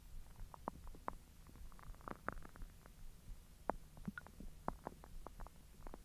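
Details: Belly recorded after eating hotdogs following 10 hours of an empty stomach: frequent gurgles, clicks and squeaks over a low background rumble, active normal bowel sounds (borborygmi).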